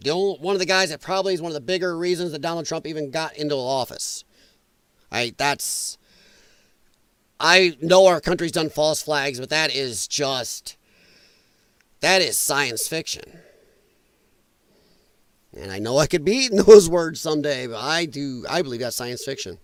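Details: Male with dysphonia from vocal cord damage caused by infections related to his lung problem; he describes it as a disability. Finding: dysphonia.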